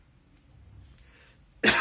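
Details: Adult man ill with whooping cough (pertussis), on day 11 of a water fast, gives a single sharp, harsh cough after a quiet pause; reports throat and swallowing problems after hard coughing.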